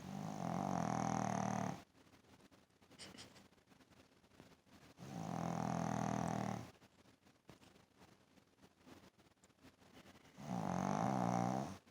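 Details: Sleeping Shih Tzu: deep, rattling, growl-like snores in three long bursts with quieter stretches between; snoring.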